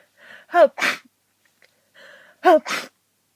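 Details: Two sneezes, each with a quick indrawn breath and a voiced "hup" catch before the burst, in a long run of repeated sneezing from a person sick with a cold: sneezing.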